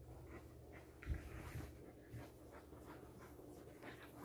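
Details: Dog panting after playing outside for hours, before bedtime: rapid, shallow, rhythmic breathing, roughly two breaths a second, with faint whimpering.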